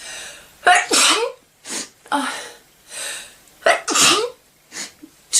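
A run of different people's sneezes, several loud with a sharp explosive release after an inward breath. Ordinary sneezes.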